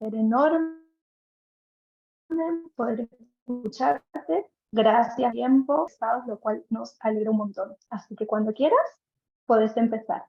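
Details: Adult woman speaking Spanish; ordinary speech.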